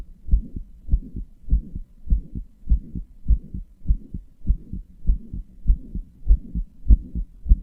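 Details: Regular low heartbeats at about 100 a minute, each with a soft whooshing tail between beats; heart murmur, in a person who describes their heart as weak, inefficient, murmuring and palpitating.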